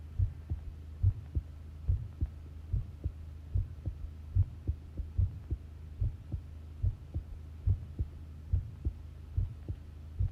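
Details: Long recording of a steady, low thudding heartbeat at about 71 beats a minute over a faint hum; normal heart rhythm.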